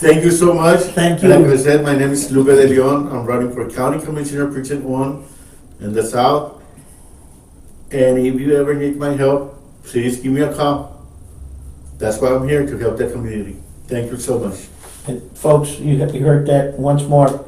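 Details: Adult male speaker; Normal speech.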